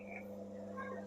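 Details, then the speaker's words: Portable suction machine (single- and double-jar models shown) running during a demonstration, suctioning liquid from a bowl through the tubing: steady low motor hum with a faint whine. "यह देखिए आप देख रहे हैं किस तरीके से यह सेक्शन जो है हो रहा है।"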